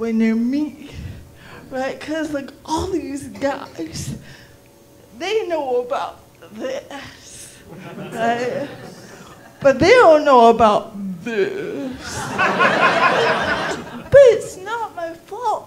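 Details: Adult female with cerebral palsy performing stand-up comedy; dysarthria in cerebral palsy.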